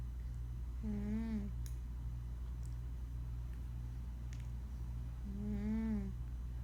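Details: Two soft, squeaky, rising snore sounds about five seconds apart from Duke, a sleeping cat, over a steady low room hum; cat snoring.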